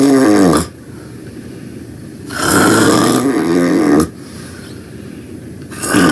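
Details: Loud snoring while taking a nap: rough snores with quiet pauses between, about three snores in six seconds, roughly 30 a minute.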